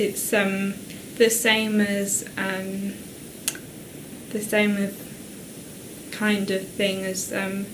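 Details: Broca's (expressive, non-fluent) aphasia in a woman after a stroke the previous year, from damage to Broca's area; halting, non-fluent speech with many pauses and fillers.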